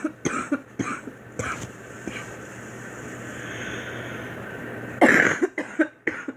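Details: Girl performing an acted run of short, dry coughs, a quiet stretch, then another burst of several coughs; simulated cough.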